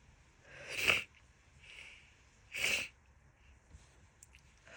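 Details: Adult woman with a bad summer cold, too exhausted to talk: two sharp, wet sneezes about two seconds apart, each preceded by a short inhale, in a quiet room. Repeated sneezing.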